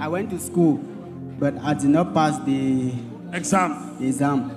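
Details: Young man who stammers, affected since birth according to the preacher, presented at a church service; stuttering.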